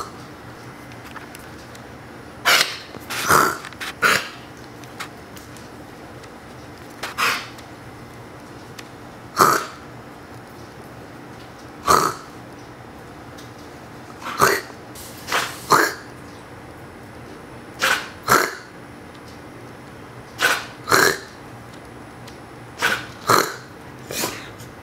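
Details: 1.5-year-old Siberian Husky coughing right after a person coughs: short, sharp cough bursts in singles and pairs, the dog's coughs alternating with a person's coughs.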